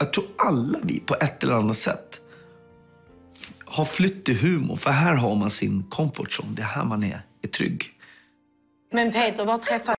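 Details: Adult man speaking Swedish; normal speech.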